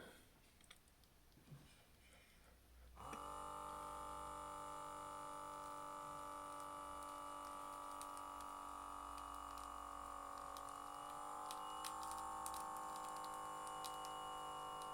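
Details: Steady motor hum of an Omron Series 10 automatic upper-arm blood pressure cuff inflating after pressing start, arm held at heart level, with a slight pitch change as pressure builds, in a quiet room; first reading.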